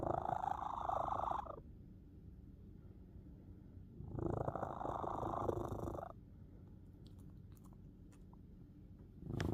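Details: Soft rumbling snore on each breath, about one every four seconds, over quiet room hiss; a pet cat snoring in its sleep.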